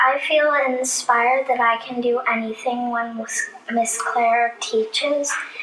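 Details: Child; typical speech.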